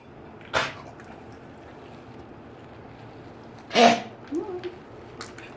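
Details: Two short, sharp, explosive coughs several seconds apart from a small animal in a quiet room; the owner asks whether it is having trouble breathing.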